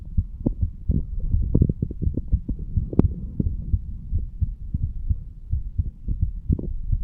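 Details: Normal heart sounds of a 35-year-old man standing, self-recorded over the mitral area: low, dull thumps at roughly 85 a minute with rubbing noise.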